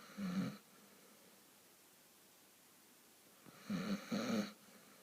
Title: Snoring his head off...lol